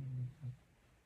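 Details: Two brief, low-pitched buzzing rumbles, the second shorter, then quiet: a sleeping Staffordshire Bull Terrier snoring, likened to a chainsaw.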